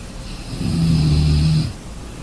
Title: Sleeping sounds snoring